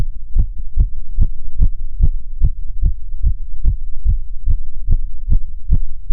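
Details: Self-auscultation standing (orthostatic) and sitting: fast, regular heartbeat about 145 beats a minute with clean thumps and no extra sounds; tachycardia with otherwise normal heart sounds.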